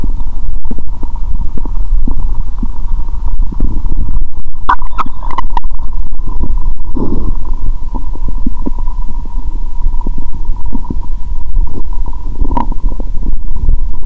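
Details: Stethoscope on own abdomen after eating Mentos and drinking cola following a fast of over 15 hours: loud continuous low gurgling and rumbling with bubbly pops and a steady hum, bowel sounds.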